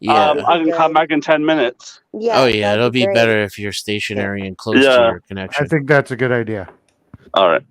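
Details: Adult man speaking, likely over a call; typical speech.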